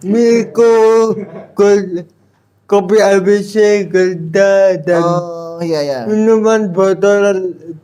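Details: Dysarthric speech in an adult man with a cerebral palsy disability and intact thinking, speaking Indonesian.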